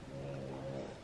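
A steady, low, rumbling snore held for about a second, from a sleeping cat.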